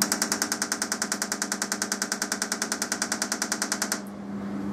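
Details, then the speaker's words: Transcranial magnetic stimulation coil firing a train at 100% machine output near highly magnetizable metal objects in an aneurysm-clip safety test: rapid, regular sharp clicks; TMS pulse train. "I'm now going to start a train and I think they'll jump a long way again so these are the highly magnetizable"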